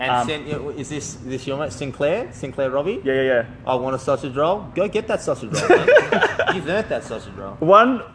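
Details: Adult male speaker; speech.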